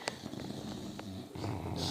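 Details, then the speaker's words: Low, rattling snores from a dog sleeping on a couch, head resting on his snoring sister, tongue moving as if dreaming, with some room noise; dog snoring. "He's snoring his head off. And that's what you call a dog nap."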